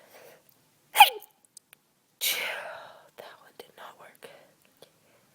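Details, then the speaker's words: Stifled sneezes from someone recovering from a cold with slight lingering congestion, after cleaning a dusty closet, held back to stay quiet for sleeping housemates: a sharp muffled snap, then a longer airy rush, with soft breaths after. "I'm also kind of trying not to sneeze the less I sneeze the the quieter it'll be"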